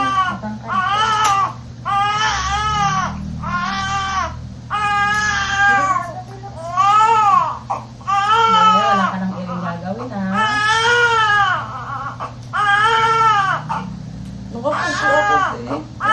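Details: Strong, repeated crying bursts from a large newborn boy just after a fast, normal second delivery with no laceration, with quiet background voices: a vigorous, normal first cry.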